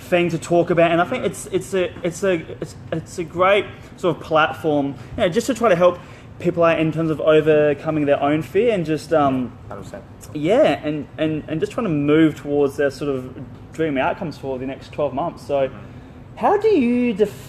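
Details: Stuttering in an adult man who left school at about 16 because of his speech and still has blocks when speaking.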